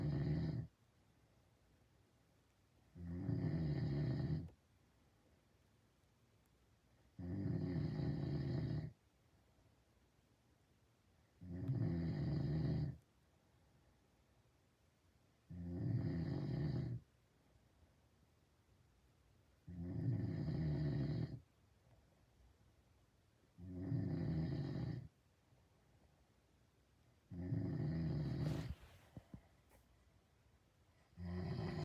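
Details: Loud, low, rumbling snores from a man who denies snoring, repeating steadily about 15 times a minute with quiet pauses between them; snoring.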